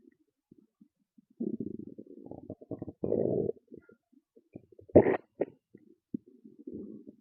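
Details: Loud stomach growls and gurgles: low gurgling and rumbling with squeaks and pops in irregular runs; ordinary borborygmi.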